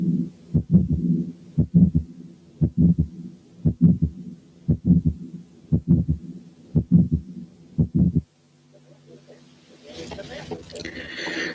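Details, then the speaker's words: Early diastolic murmur, fainter than the previous example; regular heartbeat near 60/min with soft faint whooshing after the second sound. "نسمع المثال الجاي اللي فيه الايرلي دايستوليك مامر فينتر عن اللي فات."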